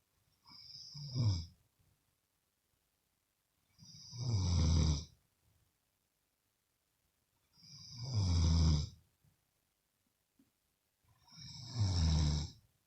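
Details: Woman snoring loudly enough to keep the listener awake: loud, low, rumbling snores on each breath in, about 17 a minute, separated by quiet pauses.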